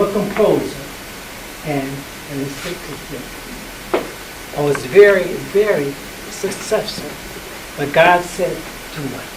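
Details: Performer with aphasia after a stroke, speaking in an improvised theatre play created by people with aphasia with an aphasia research and treatment centre; aphasia.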